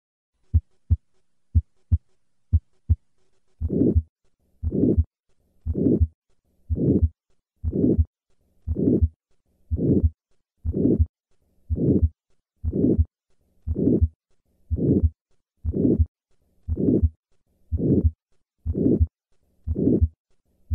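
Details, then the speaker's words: Teaching recording of severe aortic stenosis: regular rhythm near 58/min, harsh diamond-shaped crescendo-decrescendo systolic murmur peaking late, ending before aortic S2; heard at second right intercostal space, patient leaning forward; three normal beats then murmur added. "to recap the murmur of aortic stenosis is a harsh diamond-shaped systolic murmur heard best at the second right intercostal space this murmur stops before the second heart sound"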